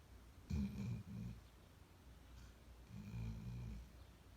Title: Sleep talking and snoring dog...